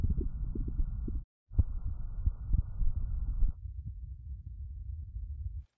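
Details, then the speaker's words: Low, irregular gurgles and soft rumbles from a stethoscope placed on the abdomen for about 30 seconds during an educational abdominal physical examination; normal bowel sounds. "for auscultation we'll be listening to the abdomen we're going to place the stethoscope instrument here and listen for about 30 seconds or so to see if we can hear the bowel sounds"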